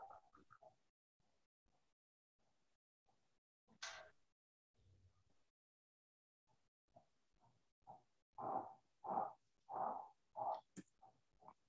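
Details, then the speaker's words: Simulated pulsatile (pulse-synchronous) tinnitus: rhythmic whooshing pulses about 90 a minute, illustrating what patients with idiopathic intracranial hypertension and papilledema hear. "to kind of give you an idea of what patients are experiencing when they complain of pulsatile tinnitus or pulsynchronous tinnitus"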